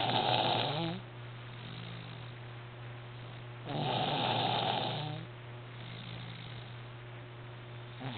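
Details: He snores loudly: two loud rasping snores about three seconds apart over a steady low hum, with quieter breathing between them.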